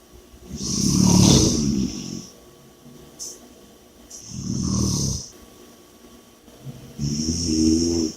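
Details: Loud rattling snores with each breath, roughly 20 breaths a minute, with a hissing sound between; heavy snoring during sleep.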